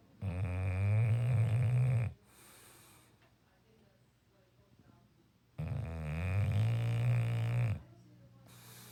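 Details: Leeloo, a dog, snoring during an afternoon sleep: two long, loud, low rattling inspiratory snores about two seconds each, separated by quiet exhalations.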